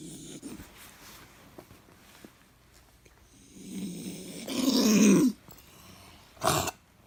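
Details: Dog with possible kennel cough: a harsh, snorting, honking effort followed by a short, forceful cough-like burst.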